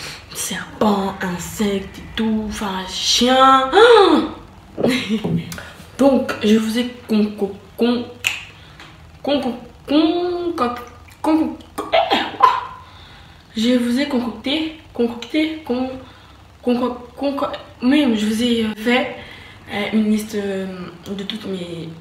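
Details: French-speaking woman who says she stutters, speaking in her own vlog; stuttering.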